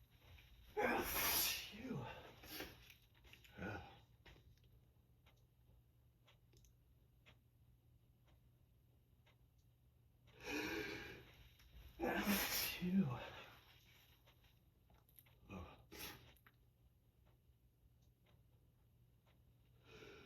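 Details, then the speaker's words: Person sneezing all day with powerful, full-body, trembling sneezes, plus false starts: several forceful sneezes in clusters with quiet gaps and faint breaths; repeated sneezing. "All I've been able to do all day is surrender to these tremendous sneezes. They take over my whole body. My whole body just quivers."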